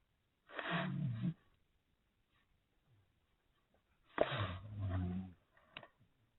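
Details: Awake dog making snoring-like breathing: two rough, rumbling snore-like breaths separated by a quiet pause. The owner says the recording device distorts her real snoring sound.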